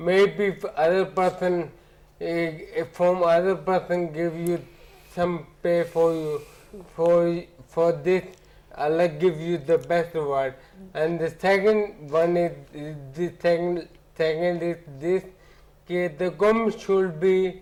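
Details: Adult man with ataxia since about 2007, symptoms starting about a year after his marriage: ataxic dysarthria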